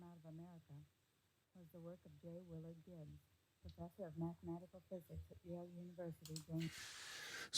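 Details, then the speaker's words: Simulated bilateral moderate-to-severe sensorineural hearing loss, right ear, female voice reading a passage: speech sounds very faint and quiet, words can be worked out only with a struggle. "that's very interesting very faint very quiet you can work out the words and make up what is being said is just a struggle"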